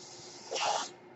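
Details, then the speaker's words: Mechanical ventilator breath cycle from a podcaster's ventilator: a brief airy hiss of air delivery rising and fading in a quiet room. "hello everyone my name is that noise you're hearing is my ventilator and welcome to page-turners"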